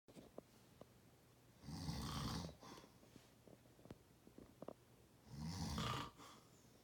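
Two rough, rattling snores on the in-breath, a few seconds apart, with soft clicks between them in a quiet room.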